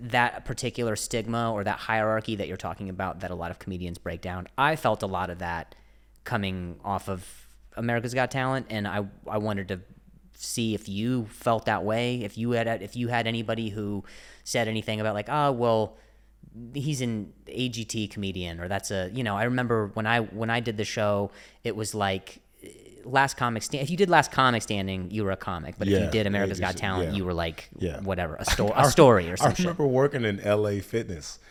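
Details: Adult man who stutters, speaking in a podcast conversation; transcript shows word repetitions; he mentions an injury before starting stand-up; stuttering.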